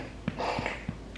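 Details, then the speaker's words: A dog in a basement crate having a reverse sneezing episode: three quick low snorting pulls of air in close succession, faint room noise; vet thinks it relates to allergies. "because it's like a sneeze for dogs but it's called reverse sneezing so it sounds like he's like sucking in air"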